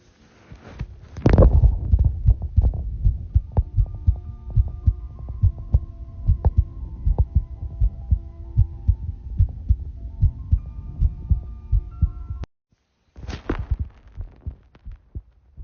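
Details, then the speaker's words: Muffled heartbeat thumps recorded by a phone held on the chest of a person who reports having sinus arrhythmia, unevenly spaced over a steady background hum: sinus arrhythmia. "Today I found out that you can hear your heartbeat if you put your phone up to your chest, and I have a sinus arrhythmia, so we're gonna see if we can hear it."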